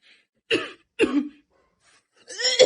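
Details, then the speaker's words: Acted clinic sketch of a man who reports a very bad cough lasting about two months and smoking every day: two short, harsh coughs, then a strained throaty vocal sound, in a small quiet room. "so how long have you had this cough um just about two weeks i' been my de no it's been about 2 months"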